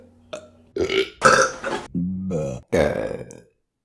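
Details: Burping compilation: several loud, drawn-out throaty belches in a row, some voiced, separated by brief pauses; repeated burping.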